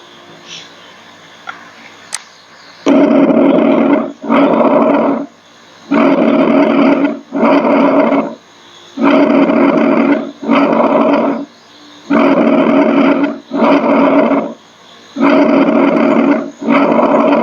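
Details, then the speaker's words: Bronchial breath sounds in a nursing exam teaching clip: loud, harsh, hollow breath sounds with a clear pause between inspiration and expiration. "now we can hear some of the uh breath sounds first one is bronchial breath sounds"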